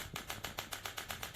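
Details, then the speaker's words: Nu Tek ShockPhysio Basic SW3200 radial shockwave therapy device firing in sweep mode from level 3 to 12: sharp, regular clicking pulses, about nine in just over a second, gradually speeding up and rising in intensity. "it gradually speeds up and the intensity slowly increases. This is our sweep mode for everyday use."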